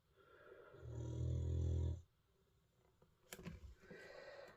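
A single low, rumbling snore from a sleeping dog, with faint room noise afterwards.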